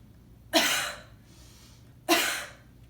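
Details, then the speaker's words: Physical therapy demonstration of a voluntary cough technique: two forceful single coughs about 1.5 seconds apart, made while flexing forward at the waist and using the abdominal muscles to force the air out. "another thing you can do is just flexing at the you know at the waist flexing forward kind of using your abdominals to force that you're out okay so"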